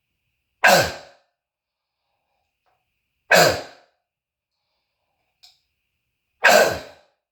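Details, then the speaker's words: Three loud, harsh single cough bursts a few seconds apart with a seal-like barking quality, echoing off walls, from an adult with a throat tickle; croup diagnosed by family doctor, bronchitis also mentioned. "so that's an asmatic cough it's like a seal barking cough is what it is"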